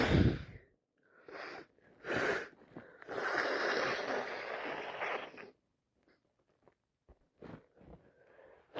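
Noisy in-breaths and a long forceful blowing sneeze, followed by sniffs; sneezing from allergies.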